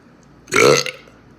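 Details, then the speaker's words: A single short, loud belch lasting under half a second, attempted as a big burp after drinking fizzy Sunkist soda; burping. "hey I told you when to get 10 likes I'll be try to see if I could do a big burp with this let's go"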